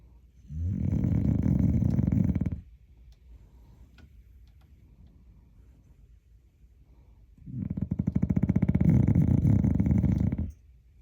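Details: A sleeping dog snoring "like a hog": two long, loud, rattling snores several seconds apart with quiet pauses between, heavy snoring.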